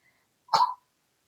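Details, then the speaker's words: Dog with congestive heart failure gives a single short, harsh cough burst. "I'm sorry if you can hear the dog coughing. He's he's got congestive heart failure."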